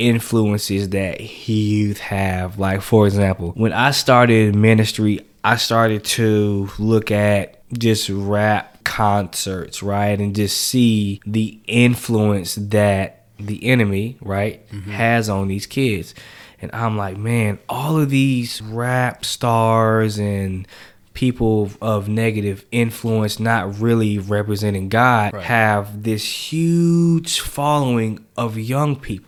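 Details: Adult man who has stuttered since age 5, speaking on a podcast; stuttering.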